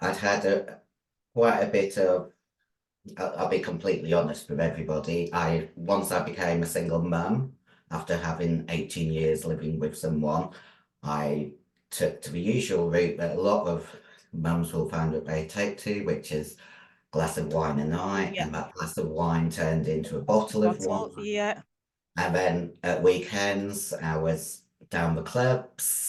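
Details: Adult female bodybuilder whose formerly very high-pitched voice became very deep after taking large doses of male steroids (performance-enhancing drugs); she can no longer sing; androgen-induced voice deepening.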